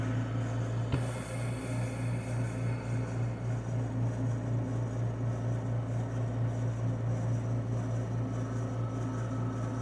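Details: Invacare HomeFill home oxygen concentrator and compressor filling a K cylinder, at just over 2000 PSI: steady low mechanical hum and drone of the compressor running at high pressure.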